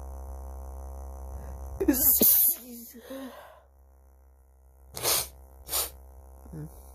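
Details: Induced sneezing with a vibrator on the outside of the nose and a feather inside, plus allergies: breathy build-up, a forceful sneeze burst, then two shorter sharp sneezes; stuck sneezes left the person breathless and lightheaded.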